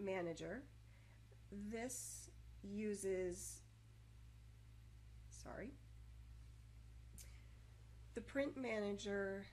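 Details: Adult woman speaking; stuttering with blocks.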